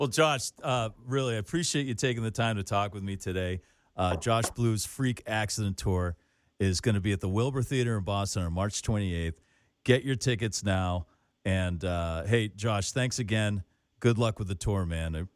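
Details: Adult male speaker; Normal speech.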